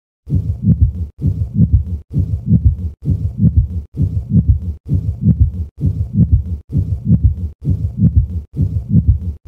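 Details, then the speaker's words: Regular, scratchy, grating heart sounds at about 65 a minute, with systolic, early diastolic and presystolic components; three-component pericardial friction rub. "compare a patient with a three component friction rub with a patient having two component friction up"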